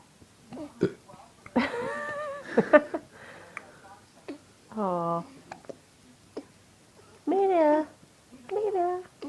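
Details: Hiccups: several abrupt, short, voiced hiccup-like sounds between coos and soft vocal sounds from a smiling infant, with adult talk in the background.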